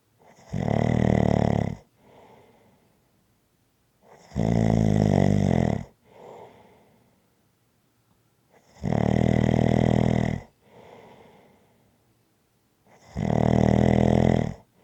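Loud, rough, low snores on each breath in, with quieter breaths out, repeating roughly every four seconds; ordinary snoring.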